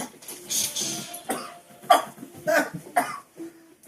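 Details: Coughing fit after being sprayed with fart spray in a room: about five or six short, harsh coughs in quick succession with faint background music.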